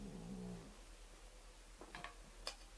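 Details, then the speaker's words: Brief low, rattly snoring from a cat with rhinitis that has trouble breathing through its blocked nose. "Si vous entendez ronfler, c'est rien. C'est pas important. En fait, c'est mon chat. Il a une rhinite et donc il a du mal à respirer."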